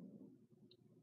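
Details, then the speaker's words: 15-year-old girl's hunger stomach growling while talking: a soft, low rumbling gurgle in a quiet room; borborygmi. "my god, that means I'm really hungry. My stomach just got it. Did you guys hear that?"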